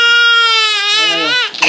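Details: Infant aged 5 months 21 days, startled by father's cough: loud, sustained high-pitched wail that wavers and breaks off; crying before avocado feeding.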